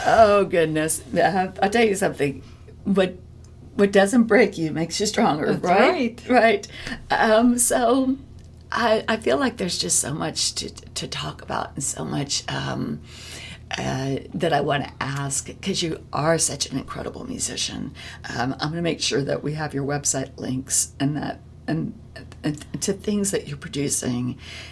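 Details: Adult woman with spasmodic dysphonia, a vocal cord disorder in which the vocal cord muscles spasm; spasmodic dysphonia.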